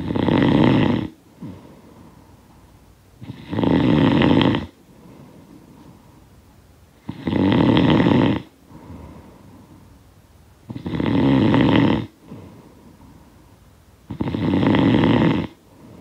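Loud, rough snoring on each breath in, about 17 breaths a minute, with quiet breaths out between.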